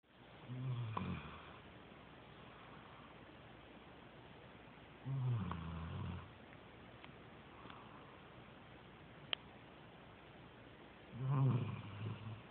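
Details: Three low, rumbling snores several seconds apart, about ten a minute, with quiet breathing between, from a sleeper; snoring.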